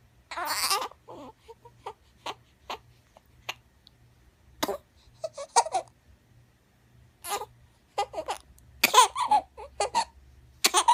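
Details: Infant's sharp sneeze, then a run of small, regular hiccups with brief fussy sounds between them; infant hiccups and sneeze.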